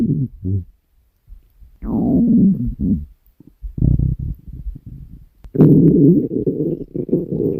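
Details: Woman's stomach growling recorded while she slept: loud, low, drawn-out growling and gurgling rumbles in irregular bursts, borborygmi.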